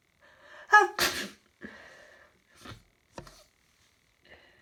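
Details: Person with hay fever sneezing repeatedly for about an hour, nose stuffy: two loud explosive sneezes, each led by a sharp in-breath and followed by quieter breaths.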